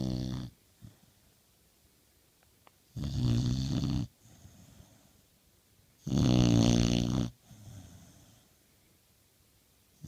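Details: Sleeping pit bull snoring: loud rattling snores on each in-breath, quieter out-breaths between, about six breaths a minute in a quiet room.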